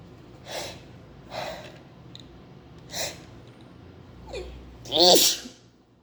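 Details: Repeated sneezing, tagged as allergies: a run of about five sneezes, some with a drawn-in gasp before, the last loud and voiced.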